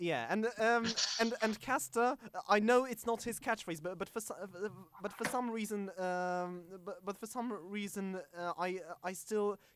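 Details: Stuttering in a male podcast host who calls himself a stammering host, on a show combining podcast and speech therapy; stuttering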